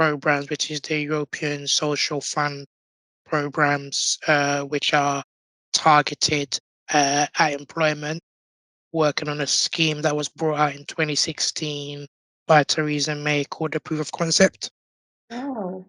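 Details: Tracheostomy voice in an adult man born six months premature with undeveloped airways. He had emergency surgery at birth, spent two years in an incubator and has lived with a tracheostomy; prematurity heavily impacted his vocal cords.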